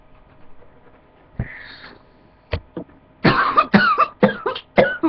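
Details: Irritant-induced coughing after inhaling a spray during a spray challenge: a gasp, then a burst of about six harsh, rapid coughs.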